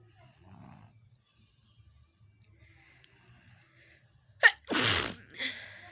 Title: Nose Nose sneezing//challenge video 😁